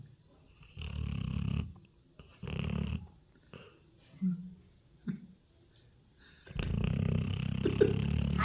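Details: Sleeping dog snoring: loud, low, rumbling snores in long breaths, with softer snorts between them, in a quiet room.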